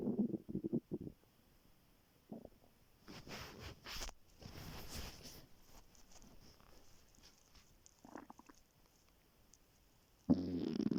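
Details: Stomach growling on waking in the morning when very hungry, before skipping breakfast: irregular low gurgles and rumbles with quiet gaps and some rustling, normal hunger-related bowel sounds (borborygmi).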